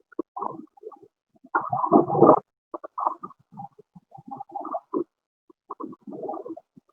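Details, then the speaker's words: Pleural friction rub: creaking, grating rubbing sounds in irregular bursts, tied to the respiratory cycle and loudest on inspiration as the lung expands; it is distinguished from a pericardial rub because it stops when breathing is held. "si no lo escuchó con relación al ciclo respiratorio sobre todo para mi inspiración es cuando más hace un expande el pulmón y mis pies de la pleura"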